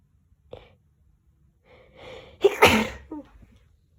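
A short inward breath, then one loud explosive sneeze and a small trailing sound. An ordinary sneeze.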